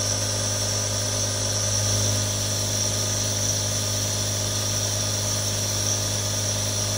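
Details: Real recording of three different nebulizers for relaxation ASMR: a steady mechanical hum with constant low buzz and airy hiss, a compressor nebulizer running continuously.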